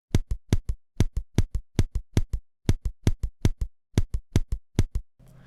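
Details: Auscultation of regular tachycardia: fast, evenly spaced paired heart sounds at roughly 145 beats a minute.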